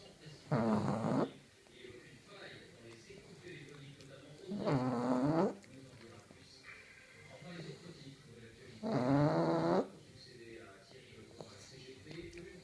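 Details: A sleeping pug gives three loud, rattling snores about four seconds apart, roughly 14 per minute, with quiet room noise between; snoring.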